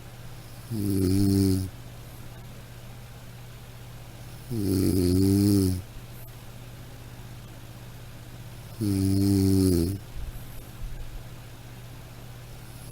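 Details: Steady, rumbling snoring on each breath in, about 15 a minute, over a faint background hum; a sound-effect recording of snoring.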